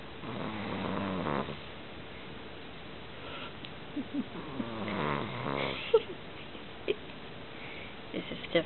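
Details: Pet dog asleep: soft, buzzing snores with faint room noise and small background clicks; ordinary snoring.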